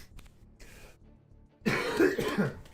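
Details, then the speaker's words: Cough from an adult livestreamer who says an infection has moved down and settled in the lungs. "I apologize in advance for the coughing, guys. This thing moved down and made a little home right in my lungs, which is awful, but awful for you guys as well, cuz we may have some nasty coughing over the next couple days."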